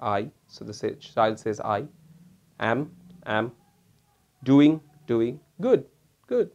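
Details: Imitated amnesic aphasia (speaker's own label): word-by-word repeated speech as in a grown-up child who can only produce words after each one is prompted, not a real patient.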